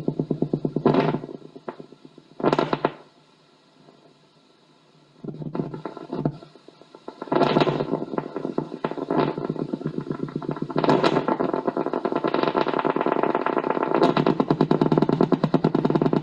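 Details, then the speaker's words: Needle EMG recording of spontaneous muscle fibre activity after nerve injury: low-amplitude, irregular fibrillation potentials and positive sharp waves that increase as the needle moves, sounding like rain on a tin roof. "they have a very low amplitude they appear irregularly on your screen and they increase in intensity As you move the needle has often been compared to the sound of rain on a tin roof"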